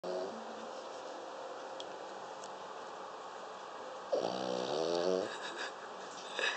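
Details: Snoring from a female dog deeply asleep during a five-hour nap after a long morning walk: steady background hum, then one buzzing, whiny snore lasting about a second.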